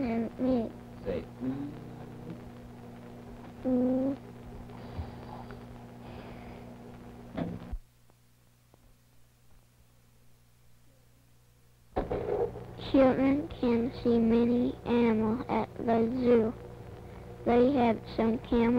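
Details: Speech sample recorded during a cineradiographic (X-ray) examination of the velopharyngeal mechanism, shown as an example of good velopharyngeal closure.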